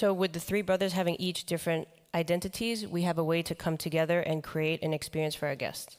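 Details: Man with the neurological disease dystonia, which in his case impairs control of his neck movements and can affect other body parts; he says he has no real tone of voice: dystonia affecting the voice.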